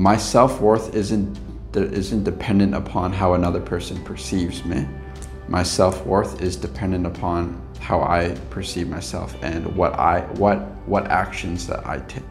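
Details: Stuttering in an adult man with lifelong stuttering that still occurs at times; he reports past blocks and current mild repetitions and prolongations.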